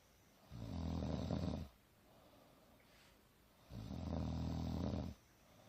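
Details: A mother napping on the couch in a jacket, snoring softly but audibly: deep, rumbling snores on each in-breath, about 19 a minute, with quiet exhalations between.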